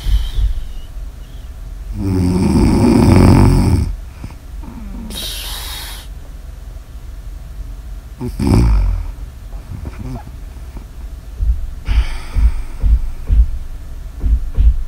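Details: Snoring ASMR audio recording: a few rough, rattling breaths over steady room hiss, with soft rustling between them; snoring.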